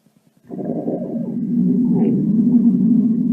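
A few soft clicks, then a long low gurgling rumble that swells and holds; stomach rumbling from a sound-effect recording.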